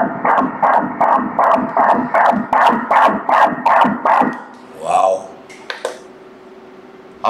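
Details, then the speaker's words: Fetal heartbeat on Doppler during a 13-week scan of a mother's first pregnancy: rapid, regular whooshing pulses, rate measured at 157 beats a minute. "Op dat moment 157... Laten we nog even luisteren, het kloppende hartje van de baby..."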